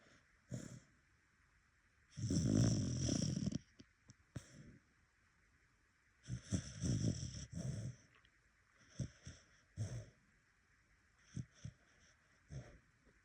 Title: Snoring dog